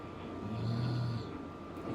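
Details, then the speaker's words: Dog snoring while lying on owner's lap. "Sorry if you hear my dog snoring. He's laying on my lap and"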